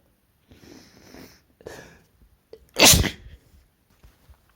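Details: Male, induced sneeze: two quick breathy inhalations build up, then one loud explosive sneeze followed by quiet breathing.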